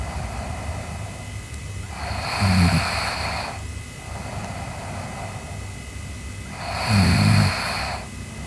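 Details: Sleeping girl snoring: two rattling snores on inhalation, about 13 breaths a minute, over steady room noise.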